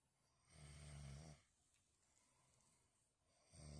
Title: said he was thinking 😏🥴#sleep #caughtoncamera #snoring